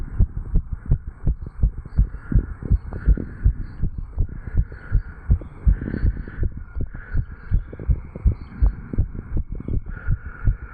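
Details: 35-year-old male, heart recorded at the tricuspid area after jogging: strong, regular, quick heartbeats with a faint hum behind them; rapid heart sounds after exercise.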